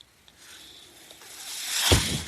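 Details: Breath from a podcast speaker's own mechanical ventilator, heard while he talks: mechanical ventilator breath cycle.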